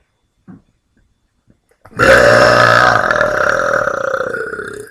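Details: Deliberate burping kept on the quiet side; one long, loud, rumbling burp lasting about three seconds, preceded by a brief swallow and faint clicks.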